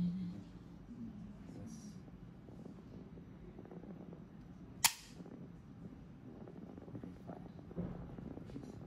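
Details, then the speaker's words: Single sharp snap of an automatic disposable core (Tru-Cut) biopsy gun with a 16-gauge needle, fired as a demonstration before a palpable lump biopsy; both slides locked back to energize it, then fired via side or bottom button. "the gun is energized and ready to fire there are two firing buttons one on the side and one at the bottom we can push either of them to fire"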